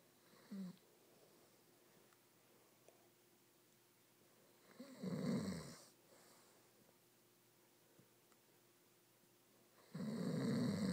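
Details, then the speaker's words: Sleeping man snoring: slow, loud rasping snores, about one every five seconds, separated by quiet pauses in a still room. "Oh no, it's a bear. A snoring bear. Observe him in his encounter."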